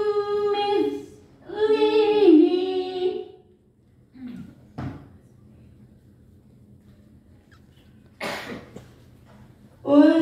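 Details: Woman reciting the Quran melodically with a hoarse voice from coughing, falls quiet, then short, sharp cough bursts before her voice returns; cough.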